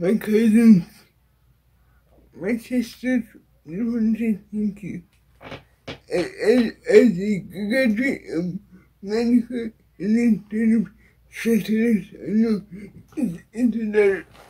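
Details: Dysarthria in an adult woman with cerebral palsy.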